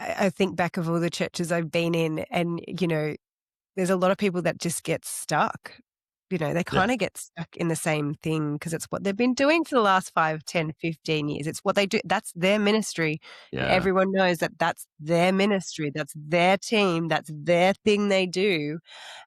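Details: Adult speaker; normal speech.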